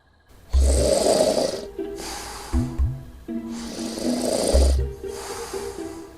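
Two loud, rough, low snoring breaths with softer noisy exhalations between them, and music playing underneath. Snoring.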